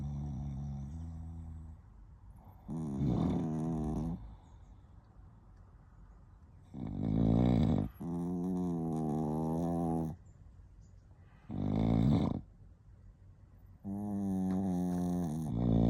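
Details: Overlapping nasal, buzzing snores from sleeping Chihuahuas, some breaths falling into step with each other.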